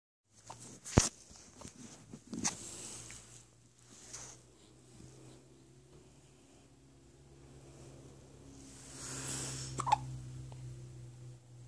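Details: Hiccups: several sharp, brief gulping clicks at irregular intervals over quiet room noise.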